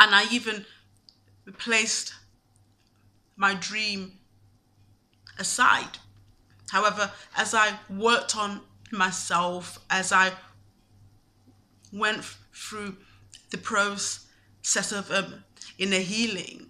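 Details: Stuttering (stammer) in a woman, with frequent pauses between short phrases.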